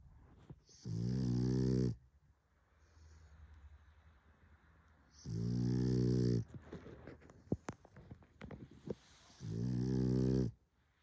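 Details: A French bulldog snoring: three loud, rattling snores about four seconds apart, roughly 14 a minute, with quiet breathing between, typical of a flat-faced dog.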